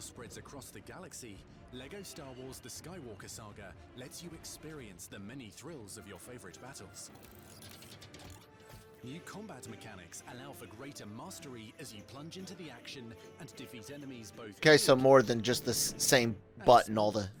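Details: Adult male narrator; normal speech.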